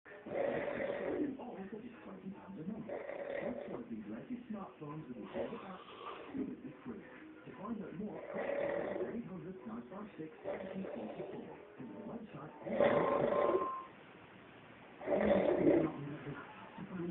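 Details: Rough, rattling snores recurring through the breathing of a person napping in deep sleep, with faint room or TV sound in the background; snoring.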